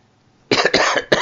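Brief quiet pause, then three rapid harsh cough bursts from an adult man in quick succession, a short coughing fit.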